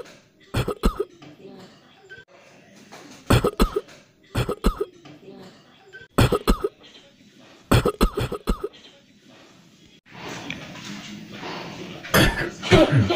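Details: Staged, acted coughing demonstrations of right and wrong coughing etiquette: several short clusters of coughing bouts, some muffled and some open, followed by noisy room sound.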